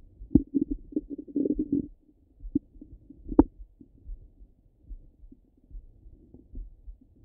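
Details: Stomach rumbling bowel sounds: irregular gurgles, bubbling runs and a few sharp pops separated by quiet gaps.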